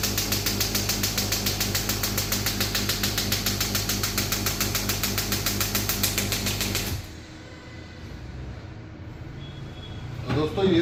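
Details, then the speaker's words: Shock wave therapy machine demonstration, new model, physiotherapy clinic, after changing the handpiece attachment and lowering the bar pressure: rapid steady mechanical tapping at about 200 pulses a minute for seven seconds, then stops. "अब मैंने जैसे attachment change कर दिया। मैं बार को कम कर दूंगा थोड़ा। अब मैं स्टार्ट कर"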